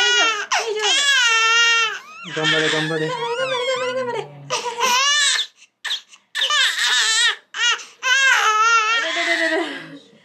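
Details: A 2-month-old baby at a first vaccination injection, woken from sleep, cries loudly and high-pitched in long wailing bursts with brief gasping pauses; infant pain cry.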